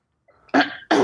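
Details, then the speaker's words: Two harsh throat-clearing bursts from a congested adult with flu; throat clearing. "excuse me hold on I need to uh clear my throat and I really congested Let Me Clear My Throat"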